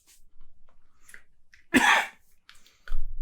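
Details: Cough in an adult recovering from COVID-19 with a strongly positive test, mild raspy throat: after quiet, faint breathing, one loud, abrupt cough bursts out, and a second cough begins as the clip ends.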